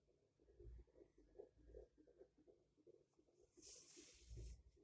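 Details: Fetal heartbeat heard by handheld Doppler at a four-month pregnancy checkup: fast, regular whooshing pulses at roughly 150 a minute.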